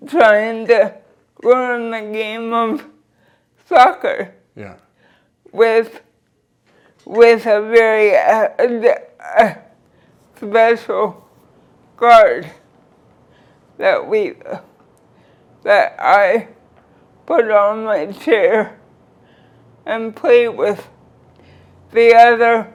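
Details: 46-year-old woman with cerebral palsy since birth, wheelchair user; dysarthria due to cerebral palsy.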